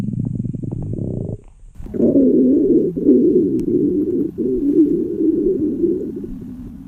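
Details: Staged scene of a girl whose empty stomach growls loudly while she is hungry during class in a library: a loud, long, rumbling gurgle with a wavering low tone lasting several seconds. Stomach growling (borborygmi).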